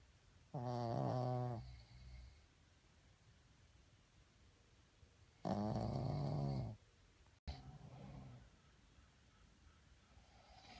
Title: Snoring Battle